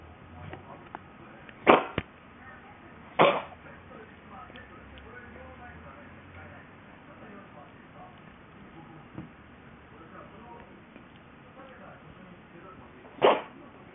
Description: Wasn't the cough of the cat unusual? Will it be a sick harbinger?